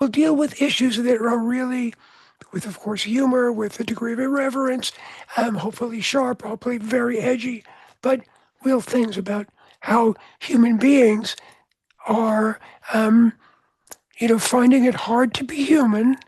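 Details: Adult man with voice change after throat cancer treated with surgery, radiation and two years of experimental chemotherapy, with no recurrence since; voice change after throat cancer treatment.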